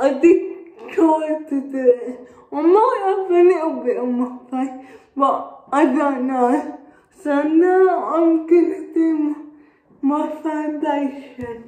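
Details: Dysarthria in a young woman with cerebral palsy.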